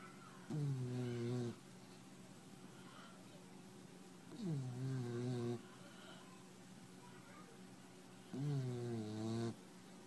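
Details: White boxer puppy snoring in sleep: three long, buzzing, voiced snores about every four seconds over steady room hum.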